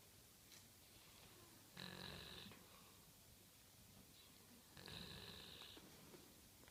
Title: Snoring dog